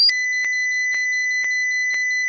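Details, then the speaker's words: Steady high electronic tone with regular faint ticks as a defibrillator charges before synchronized cardioversion, without sedation, of a markedly symptomatic, barely conscious patient in a simulated cardiac monitor training scenario (app-based). "right now my patient is barely conscious so I'm going to hit the charge"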